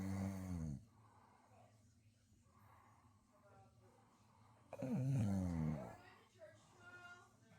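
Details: Snoring of a sleeping beagle-bulldog mix lying on a couch: two loud, deep, rumbling human-like snores about four seconds apart, with quiet breathing between.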